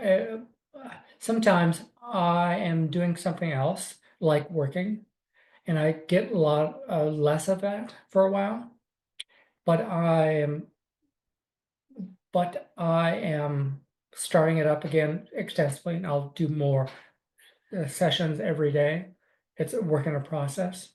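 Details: Adult man with aphasia and apraxia of speech after a stroke in December 2020, about four years earlier; for about six months he spoke only yes/no answers and simple sentences; since returned to teaching.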